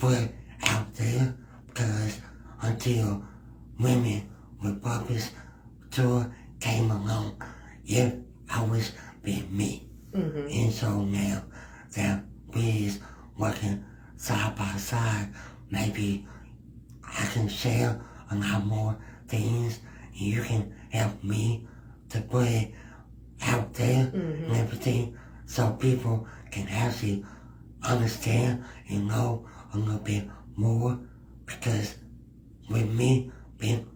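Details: Man with cerebral palsy, described as having a speech impediment, speech issues being among his cerebral palsy effects; dysarthria in cerebral palsy.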